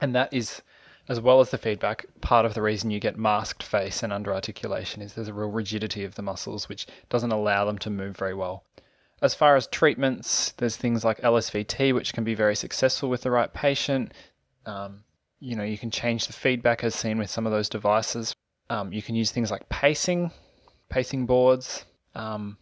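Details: Adult male speaker; normal speech.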